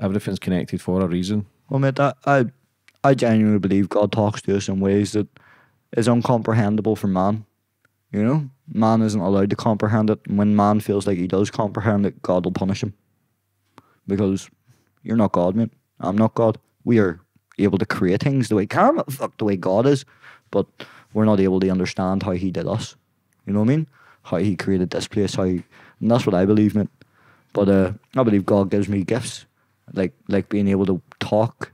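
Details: Young adult man with Tourette syndrome whose tics began at 16 as a shoulder tic, spread across his body, then became vocal; involuntary words and swearing interrupt his speech, worse under stress and on camera; Tourette syndrome vocal tics.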